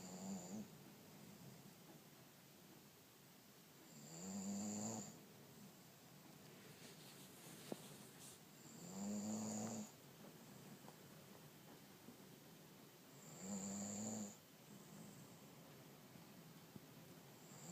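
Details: German Shorthaired Pointer asleep on a couch with slow, regular snores, a low buzzing tone on each breath, about 13 a minute; ordinary snoring.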